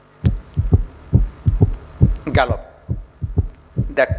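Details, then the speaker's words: Low heart thuds in a galloping three-beat rhythm, about 68 a minute, with faint music; an S3 gallop from rapid early-diastolic filling of a dilated, thinned ventricle. "whenever in the early diastolic phase rapid feeling is occurring and that give rise to development of s3"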